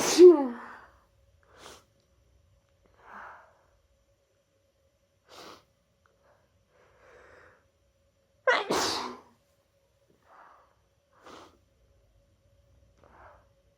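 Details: Person with their annual cold, after holding in sneezes at work all day: two loud sneezes with several small sniffs and soft breaths between them, cold-induced sneezing.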